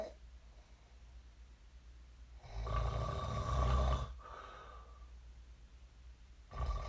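A deep, rumbling snore on one breath and the start of another, over faint room noise: ordinary snoring.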